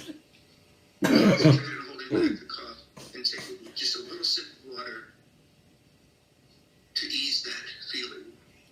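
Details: Child (Abby) with habit cough during a session using Dr. Weinberger's procedure: a loud honking cough burst, then several short throat-clearing coughs and more brief coughs.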